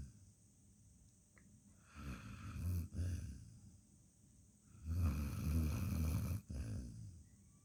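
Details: Sleeping dog snoring peacefully in a small quiet room: two low, rumbling snoring breaths with quiet pauses between them; ordinary snoring.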